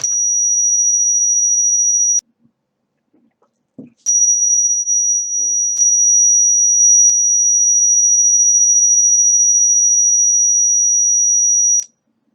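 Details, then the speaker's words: Steady high-pitched pure tone matched to the person's own tinnitus pitch, played in stretches of random duration with pauses, from a self-written C++ program used as DIY sound therapy to retrain the brain; tinnitus-matched pure tone. "so this says it'll play that tone for 10 times with the random duration press any key to continue"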